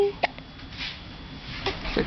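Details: Infant aged 1-3 months, sitting up, with hiccups: brief, sharp catches of breath over a noisy room while a parent talks to her; infant hiccups.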